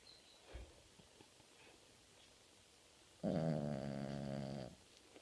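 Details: Family dog snoring during a nap, which can get really loud; owner suspects allergies. A single long, rumbling, voiced snore after a quiet stretch.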